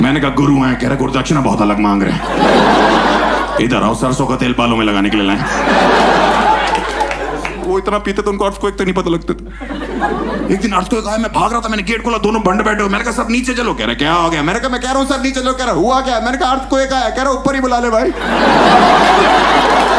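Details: Adult male comedian; no speech disorder.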